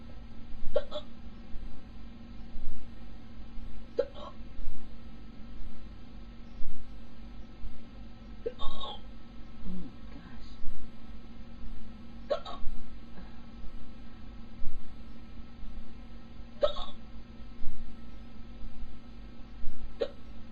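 Short, sharp gulping clicks recur roughly every few seconds, about six in twenty seconds, over steady hum; repeated hiccups.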